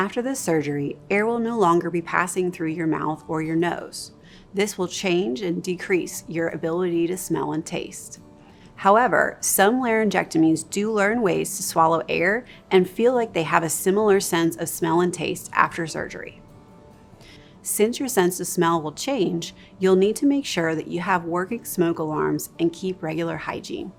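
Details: Adult narrator; typical speaker.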